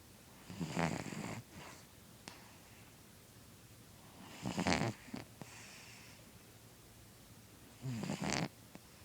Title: Kitteh snores.